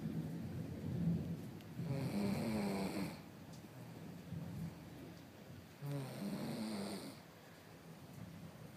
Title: baby snoring 😅